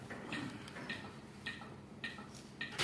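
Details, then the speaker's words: AED trainer in training mode prompting CPR during a demonstration: steady clicking at about 105 a minute, metronome pacing chest compressions; a real AED has no such beat. "CPR lakukan lagi CPR nah sesuai ketukannya kalau yang asli ini tidak ada ketukannya karena ini modenya latihan ID latihan makanya dikasih Irama"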